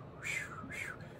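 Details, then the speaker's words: Doctor vocally imitates a heart murmur as heard through a stethoscope: two breathy, whooshing swishes representing turbulent blood flow between heart chambers; discussed after a patient had a new murmur found following COVID. "a heart murmur is essentially a sound that we hear with our stethoscope so as a swooshing sound it goes"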